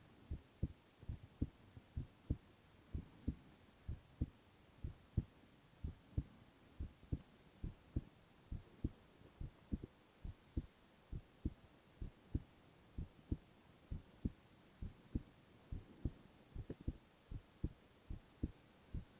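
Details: Male (boy) heart sounds in a silent, no-talking ASMR recording: clear, steady lub-dub heartbeats at about 75 a minute in a quiet room; regular heart rhythm.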